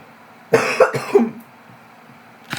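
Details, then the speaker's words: Two or three loose coughs in quick succession, then quiet; a sick brother coughing in the background of a vlog; cough during illness. "Oh, there's my brother in the background. If you could hear that, I'm sorry, but he's still sick."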